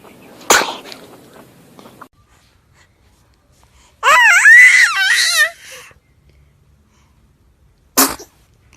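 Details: Two small, sharp sneezes from a baby with a brief whimpering cry between them; ordinary baby sneezing.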